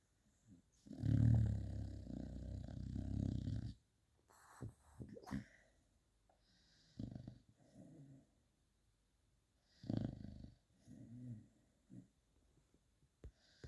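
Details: Beagle asleep in a hotel, dreaming: a long rumbling snore followed by softer snorts, huffs and small whimpers; no clear musical wheeze; snoring.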